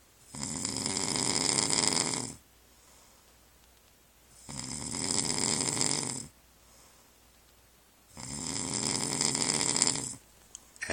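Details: Man snoring heavily while asleep: three loud, harsh, rattling snores about two seconds long, separated by quiet exhalations, about 15 breaths a minute.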